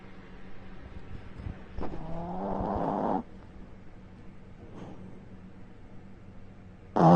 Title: My dog snores louder than I do #sillydog #tinymic #dogsnoring #snuggly #lazybones